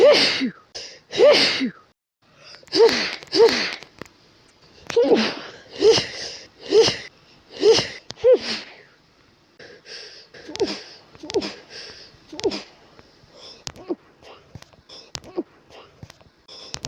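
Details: Adult with an itchy, tickly nose all day, cause unknown, allergy suspected, trying to go to bed: repeated sneezing fit of about nine sneezes in quick succession, then sniffs and short breaths.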